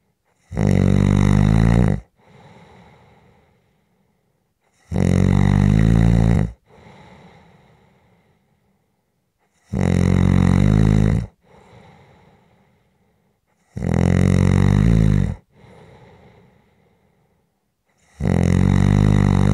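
Loud, regular, rumbling inhaled snores, each followed by a soft exhale, about fourteen a minute; steady heavy snoring.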